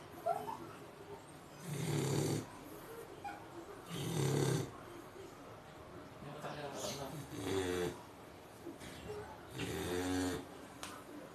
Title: The snoring american bully